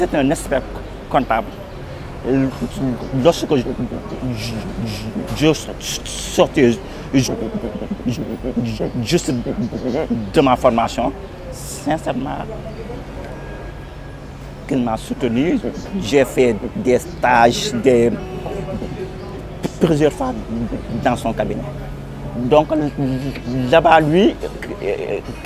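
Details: Young Senegalese man who stutters, speaking French: stuttering.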